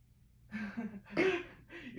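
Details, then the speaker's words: Hyperactive bowel sounds via stethoscope diaphragm on the abdomen during a teaching exam of a male patient who has eaten little today: three quick gurgling, rumbling bursts, roughly every 1–2 seconds. "are very hyperactive um it's probably because he has not eaten as much today so he's a little hungry good"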